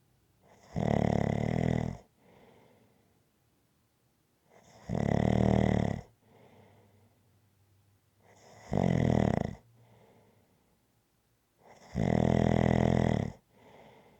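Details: Loud, regular snores, each followed by a soft breath out, about 15 breaths a minute; steady rhythmic snoring from an ASMR snoring-sounds recording.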